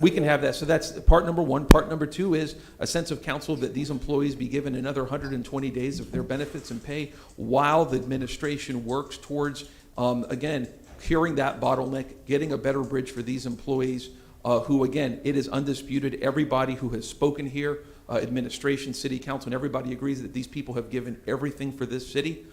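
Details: Adult male speaker; normal voice.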